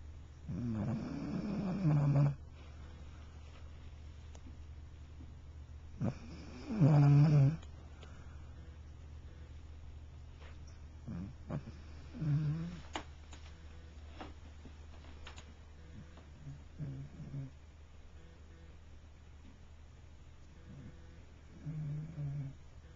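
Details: Darwin, a pet, snores while sleeping in low, rumbling bursts, about twelve a minute, against steady room hum; recorded in 2009 on a Flip Video camcorder.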